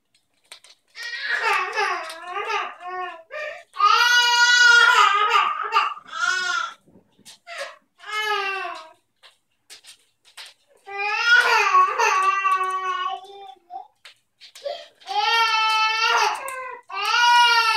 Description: This video is for my friends who think never cries. Because she does. And it's sometimes for no apparent reason at all. :)